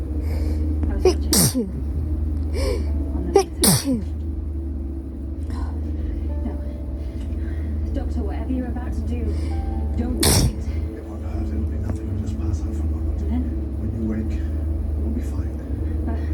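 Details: Sneezes from allergic rhinitis: several sharp sneezes over steady television dialogue and music from Doctor Who playing.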